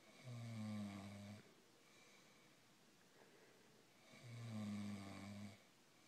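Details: Two deep, buzzing snores about four seconds apart from a sleeping man, quiet breathing between, small room; ordinary snoring.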